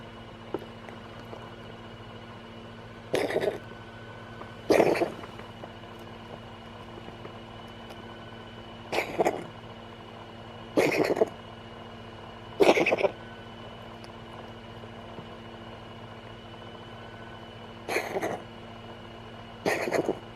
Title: Trillian the cat has a bit of a chesty cough